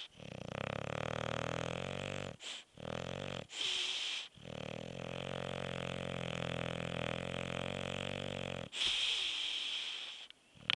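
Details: Sleeping bulldog snoring: loud, rough, rattling snores with snorting breaths; noisy upper-airway breathing.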